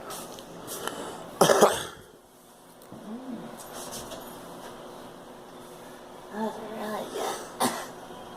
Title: Girl coughing